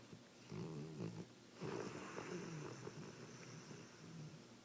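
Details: Sleeping animal snoring: low, rattling, rumbling breaths repeating over several seconds.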